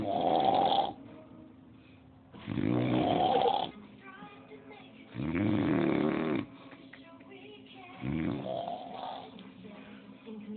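Four loud, rattling snores on inhalation, roughly every 2.5 seconds, about 23 a minute, with faint television talk behind.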